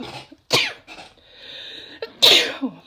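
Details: Woman in a sneezing fit brought on by chhinkni snuff: two sharp, strong sneezes, each after a quick in-breath, part of a run of sneezes with talking between.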